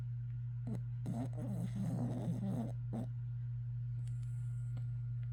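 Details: Dog with a heart murmur, on Vetmedin, makes rough, snorting, snore-like breathing noises over a steady background hum: snoring, laboured breathing.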